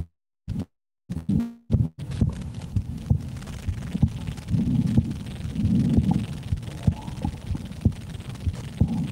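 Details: Adult woman's heartbeat through a stethoscope, live recording: muffled low resting thumps with handling rustle and brief noise bursts at the start.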